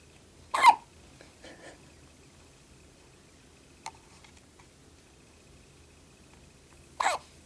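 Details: Baby with hiccups right after finishing a full bottle: two sharp, abrupt hiccups about six seconds apart in a quiet room, each a brief sudden catch of breath; hiccups.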